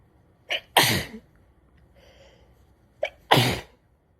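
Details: Harsh, crazy sneezing fit: two explosive sneezes about two and a half seconds apart, each opening with a short sharp intake before the burst; sneezing.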